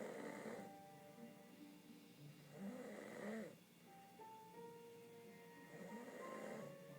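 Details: Rough snoring breaths about every three seconds from a young man asleep at night while watching TV, over steady television sound; loud snoring.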